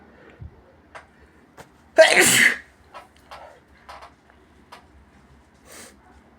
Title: induced sneezes with a nose blowing in the end